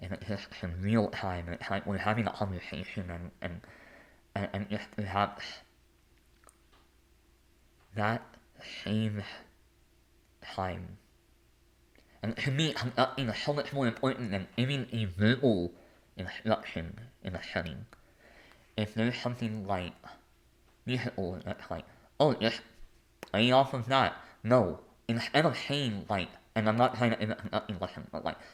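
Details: Adult male artist, composer and conductor with a lifelong speech impediment affecting the mechanical production of words rather than their content, noticeable as soon as he speaks; speech impediment.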